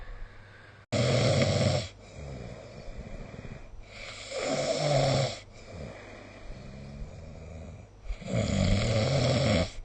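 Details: Snoring during sleep recorded with the SnoreLab app: three loud, rasping snores on in-breaths, about 17 a minute, with quieter rustling breaths between them.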